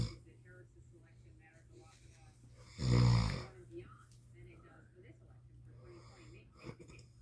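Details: Father snoring during sleep: a single loud, low, rattling snore against quiet room noise, with faint breathing around it.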